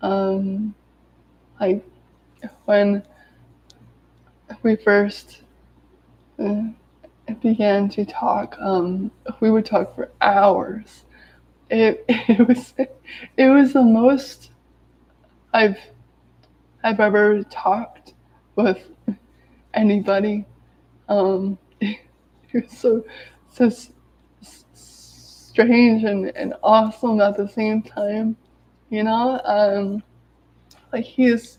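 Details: Adult woman who has stuttered daily her whole life, severe as a child, with speech blocks and S-words especially hard, speaking in a live video while recovering from an illness; stuttering.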